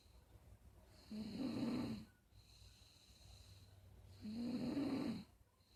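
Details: Soft, regular snoring: a low fluttering snore on each breath in, with quiet pauses between, against a steady background hum.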